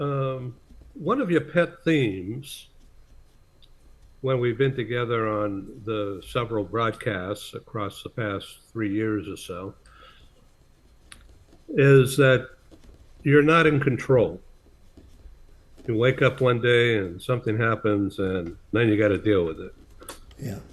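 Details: Adult male speaker; ordinary speech.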